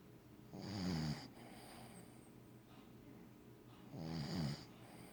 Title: Wicket snoring